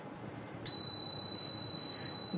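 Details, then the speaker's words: Simulated hospital training demonstration of a syringe pump with a steady, continuous high-pitched electronic occlusion alarm. "正しい対処方法ですまずは計測状態を作ります"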